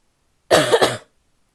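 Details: A female gives a single harsh, barking cough with a brief double burst, from a series of coughs that are mostly barky and some wet; barky cough.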